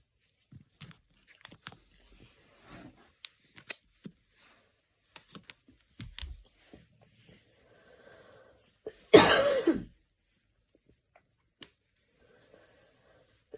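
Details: Evening coughing fit recorded while lying on the back: soft throat clicks and small breathy sounds, then one loud, harsh cough burst in a quiet room.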